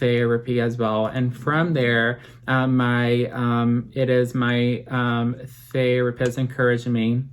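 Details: Adult man, 25 at filming, with apraxia of speech since childhood, who had speech therapy from age 20 to 23 that he says greatly helped his speech; apraxia of speech.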